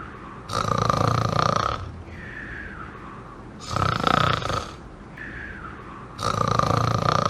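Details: Person snoring: three loud, rattling snores on the in-breath, each with a whistling edge, alternating with quieter breaths out, about 20 breaths a minute.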